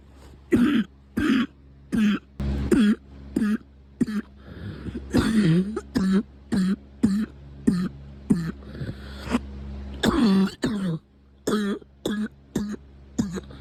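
Repeated short, throaty coughs in quick succession, about twenty bursts with brief pauses and some throat clearing; a run of dry coughing.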